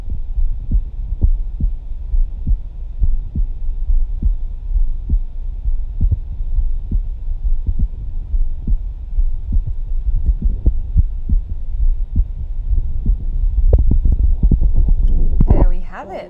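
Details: Live stethoscope demonstration: steady lub-dub heartbeat at about 68 a minute under a low hum, rustling at the end, described as smooth and soothing; normal heart sounds.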